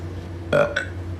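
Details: Small boy on a livestream: two short, loud belches in quick succession over steady background hum.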